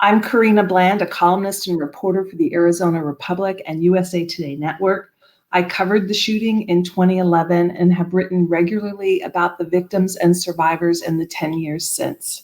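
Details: Adult woman speaking; Normal speech.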